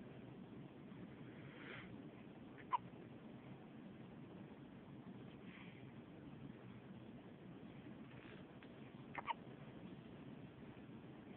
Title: Hiccups!